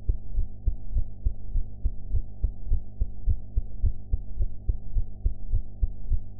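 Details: Own heartbeat recorded after eating, audio enhanced: regular thumping at about 107 beats a minute over a steady low hum; ordinary heart sounds.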